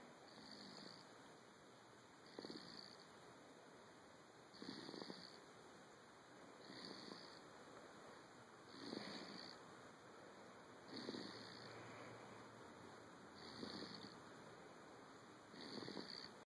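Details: 11-week-old infant, soft rhythmic snoring at about 28 noisy breaths a minute over steady background hiss: infant snoring.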